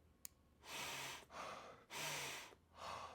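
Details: Loud, rushing, airy nasal breaths in and out at about 24 breaths a minute; noisy nose breathing from a person demonstrating nasal breathing strips.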